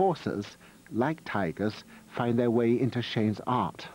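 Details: Adult male narrator; Normal speech.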